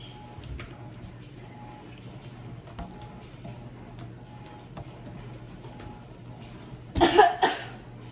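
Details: A child gives two short, forceful coughs after several seconds of quiet room hum, acted for a comedy coronavirus skit in which the dad leaves.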